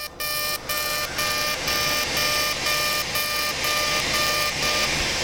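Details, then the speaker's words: CO2 laser resurfacing of the lower eyelids during simultaneous facelift, passes at 80 mJ density 6 then 70 and 5: steady high-pitched beeping pulses about twice a second over a hissing hum. "now we're going to change our settings and come back one aggressive pass at uh 80 M and a density of six now we're going to do a second pass at 70 and five"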